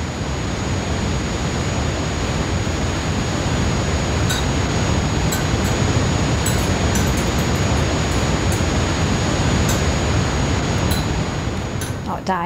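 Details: Simulated tinnitus from an awareness documentary: a steady, loud hiss like an untuned TV with a constant thin, high-pitched tone running through it.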